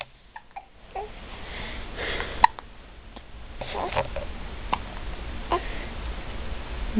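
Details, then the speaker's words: Repeated brief, sharp little hiccup catches from a baby boy, with soft babbling and room noise between them; infant hiccups. "what you had the hiccups you have the hiccups your pants are a little big got the hiccups"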